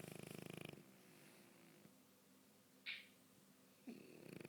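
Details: Snoring from a sleeping dog: rhythmic rattling breath noise at the start and end with a quiet pause between.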